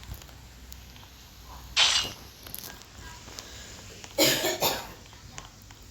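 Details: Mother with a fever coughing at home: two separate coughing episodes, the second a double cough, heard at a distance over faint room noise.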